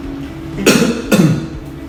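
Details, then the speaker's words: Two abrupt, forceful coughs right after a teaspoon of thin liquid during a nurse bedside swallow screen on a male patient with weak hands; gurgly voice and tearing suggest aspiration, possibly silent. "coughing and you say oh okay his voice is gurgly which means the water is on his vocal cords ready to drop into his lungs and he coughed after his swallow"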